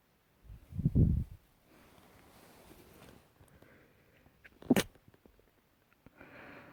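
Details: A low, snorting sneeze followed a few seconds later by a short, sharp sneeze, with quiet room noise; sneezes triggered by dust.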